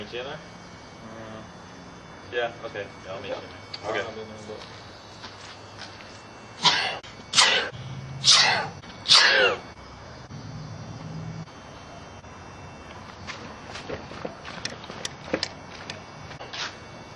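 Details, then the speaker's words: Likely staged scene of a man sneezing: speech, then a run of four forceful, explosive sneezes in quick succession, then more talk about not saying bless you; sneezing. "what do you mean bless you well i sneezed and you didn't say bless you yeah i was outside of the like the two foot radius"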